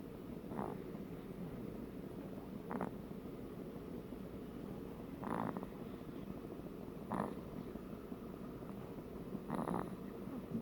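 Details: Rough, rhythmic snoring bursts recurring about every two to two and a half seconds over a steady low rumble of room noise; snoring.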